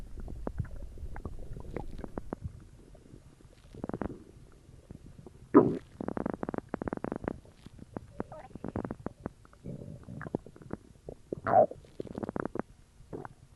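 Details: Own abdomen recorded for ASMR after drinking cola: irregular gurgling and bubbling rumbles in bursts, about 10 a minute, ordinary stomach growling (borborygmi).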